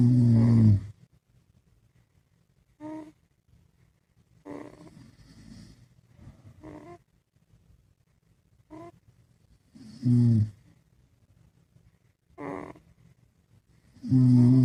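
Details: Dad and baby sleeping together: irregular snores, deep rumbling ones alternating with softer, higher, shorter snorts, like two sleepers snoring together; snoring.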